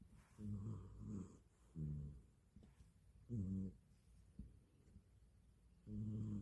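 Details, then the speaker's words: Sound asleep and snoring: low, rough, droning snores roughly every two seconds on the in-breath, with quiet pauses between them. "Tulog na tulog. Nahilik pa siya."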